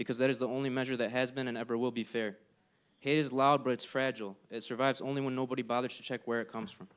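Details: Adult male speaker; normal voice.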